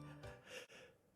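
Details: Male streamer sneezing during a live game stream: a quick indrawn breath, then one sharp, hissing sneeze burst over soft background music.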